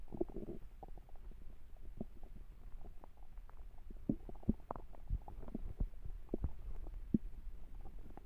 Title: A hungry stomach growls